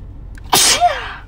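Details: Woman deliberately making herself sneeze, uncovered: single loud, explosive sneeze followed by a brief voiced tail; normal sneeze.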